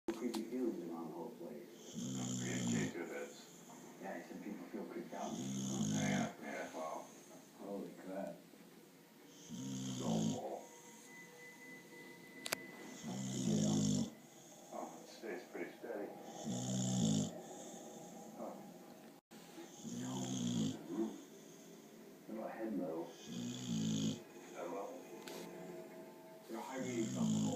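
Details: Dog snoring while asleep: steady, rough inhalation bursts, about 17 breaths a minute.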